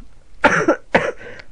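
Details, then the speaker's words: Two harsh, wet-sounding cough bursts from an adult woman in a small room while she talks and records her voice, part of a coughing fit she felt coming on; cough. "okay I can see another coughing feet is about to attack me so I just thought I'd record my voice"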